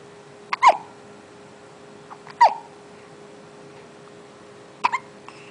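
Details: 1-month-old baby boy with hiccups: three short, sharp hiccups about two seconds apart over a quiet room hum.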